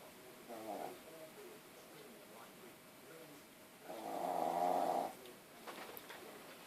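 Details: 9-month-old female puppy with very large tonsils, asleep: one short and one longer rattling snore over a quiet room.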